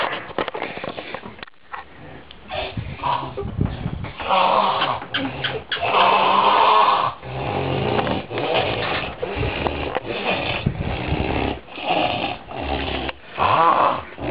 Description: Could you sleep with this kind of noise? See for yourself and imagine.